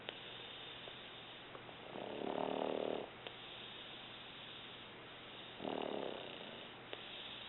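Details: Mother snoring, asleep again minutes after being checked on: two loud rattling snores about three seconds apart over a steady background hiss; ordinary snoring.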